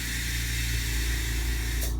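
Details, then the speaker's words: Steady low motor hum with airy hiss, ending in a brief burst of air: a veterinary dental unit's low-speed polisher running, which has forward and reverse and oscillates back and forth. "you have a reverse here and you have a forward so you can and now ones we're sing out with our units now have a oscillating so it doesn't go full circle it just oscillates back and forth"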